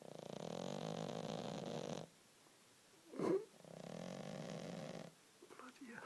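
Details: Female cat that regularly snores, asleep: long buzzing snores of about two seconds each separated by quiet pauses.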